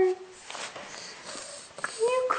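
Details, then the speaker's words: 10-month-old baby crying with emotion while mother sings: short, soft whimpers and rising cry sounds in a quiet room. "cry oh you crying monkey okay mommy's done okay it's just a song it's just a song Honey"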